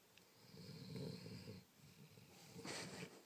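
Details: Sleeping pet snoring: low rattling snore on the in-breath, then a softer breathy hiss out, before stopping.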